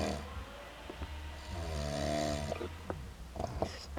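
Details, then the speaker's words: Adult man asleep after a long day and night of drinking, drunk: a drawn-out, buzzing, groaning snore followed by short, sharp catches in the breath. Snoring interrupted by hiccups. "Snoring and hiccuping at the same time."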